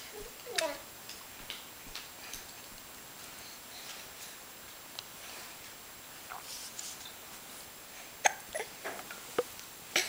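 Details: Baby with hiccups, finger in mouth: brief, sharp catching sounds repeating irregularly, about 35 a minute, with soft baby babbling between them.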